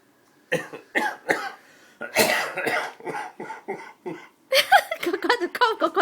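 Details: Grandfather with a bad cough gives a run of loud, harsh coughs, followed by higher-pitched sounds from his 6-month-old grandson, who seems shocked and bemused.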